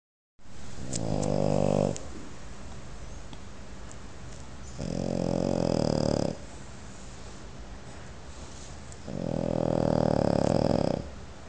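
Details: Animal snoring: three long, loud, rattling snores about every 4–5 seconds, with quieter breathing between.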